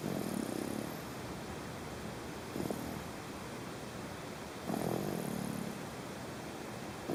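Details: Baby snoring during sleep: soft, rough breathing noises with two louder snoring breaths rising above a steady background hiss.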